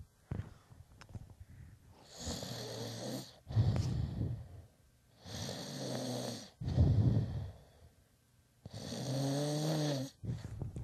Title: Interviewing Snoring Friend